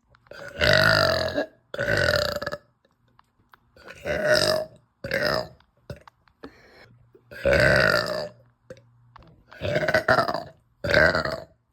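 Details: Repeated uncontrollable belching with nausea in a bloated woman after eating pasta, who cries for help: eight loud, drawn-out burps in about twelve seconds, in quick succession with brief pauses.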